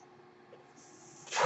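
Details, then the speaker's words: Quiet room hum, then a sudden rising rush of air as a mechanical ventilator pushes in a breath. "you're hearing is by ventilate and welcome the twilight Tuesday on page turners"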